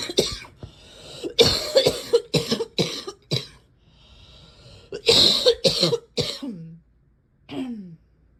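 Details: Two bouts of harsh, barking coughs, about a dozen in all, with a slight crackly edge and gasping breaths between; a cough that is almost never wet, and this is as wet as it got.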